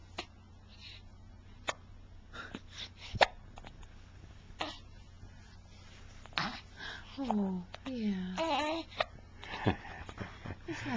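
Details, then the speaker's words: A baby with hiccups while an adult talks softly; recorded in 2009 on a Flip Video camcorder. Brief, sharp, jerky catches of breath recur over several seconds. "okay let's hear let's hear a hiccup for Grandpa"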